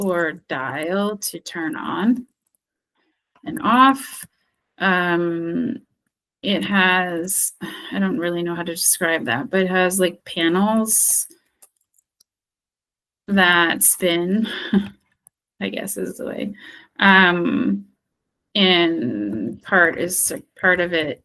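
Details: Acted: speech-language therapist role-plays expressive aphasia after stroke, unable to retrieve a target word and describing it by function, category, location and appearance (semantic feature analysis); anomia with circumlocution (word-finding difficulty).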